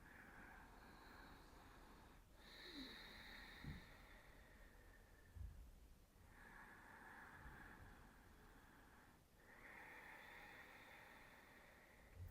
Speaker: And how we can produce that noise is by contracting our throat, our glottis. So Ujjayi breath sounds like this.